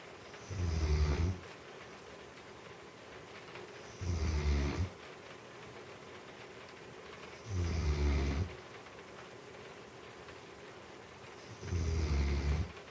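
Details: Snoring loud enough that the TV volume had to be raised: four deep, rumbling snores in a regular rhythm, about 17 a minute, with quiet breathing between.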